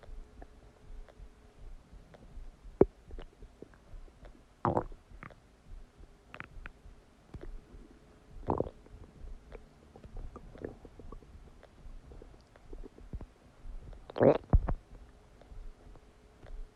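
Several gurgling, rumbling bursts over a quiet background. These are ordinary stomach and bowel sounds of digestion after a meal.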